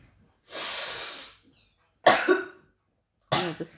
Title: Sniffing and coughing for fun (pre coronavirus)